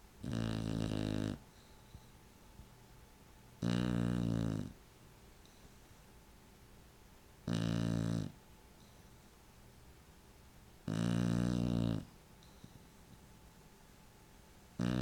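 Loud, low rattling snores on each in-breath, about 17 a minute, separated by quiet breaths out: steady snoring.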